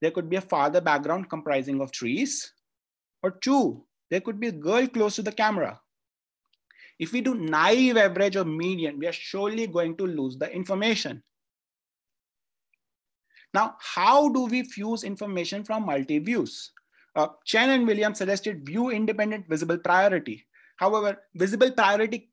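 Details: Adult speaker, lecture; ordinary speech.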